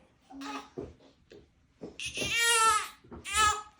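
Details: Newborn girl delivered by C-section, during her first chiropractic adjustment for upper-neck tension, put back down and cold; short fussing builds into a loud, clear crying wail with a second burst: infant crying.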